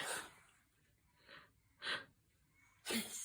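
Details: Baby sneezing: three short, soft, airy bursts in a quiet room.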